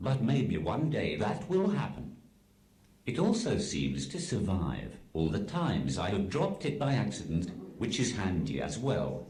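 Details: Text-to-speech communication aid used by an adult man; Synthetic speech from a speech-generating device.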